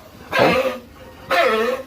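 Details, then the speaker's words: Two loud, harsh, long coughing bursts from a 3-month-old pig in a quiet pen during hot weather; a strong cough the farmer says needs prompt injection treatment. "So ayan guys kung maririnig niyo talagang yan ho ay malaksang ubaw ay talagang kailangan nating injikan agad yan."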